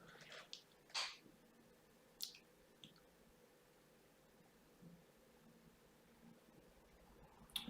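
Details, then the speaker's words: Intermittent wet slurping and crackling over a steady faint hiss: endoscopic microsuction of glutinous, mushy impacted ear wax extending toward the eardrum after olive oil drops, residual oil being vacuumed. "if it's a bit blurry now and again it's just the olive oil so although we drain the air there is still some oil um residual oil in the air and that kind of does blow the screen as you vacuum some of the oil"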